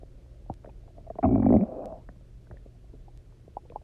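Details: Hunger stomach growling after eating almost nothing for 24 hours, then drinking lots of water and lying on the side: a single loud, resonant, gurgling rumble of about half a second amid faint gurgles; normal bowel sound.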